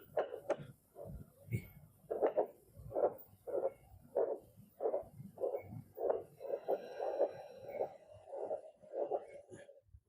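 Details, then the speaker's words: Handheld Doppler with gel on the pregnant mother's abdomen during a maternity physical exam: rhythmic whooshing pulses amid probe-scraping noise as the probe is slid to locate the fetal heartbeat, counted at 100 per minute. "Nah, kita geser-geser sampai kita menemukan ee denyut jantung janin yang benar, yang akurat."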